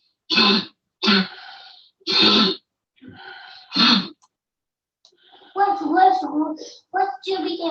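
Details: A child in a home video gives four harsh, isolated cough bursts, followed by talking while playing. Functional cough in a functional respiratory disorder.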